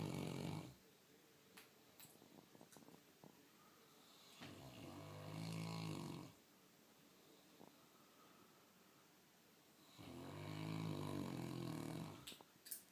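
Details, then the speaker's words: Sleeping St. Bernard dog that fell asleep while being shaved: loud, rumbling snores, three long breaths about four seconds apart, quiet room noise between; snoring. "The snoring dog. Of course, he gets quieter when I pull out the video camera."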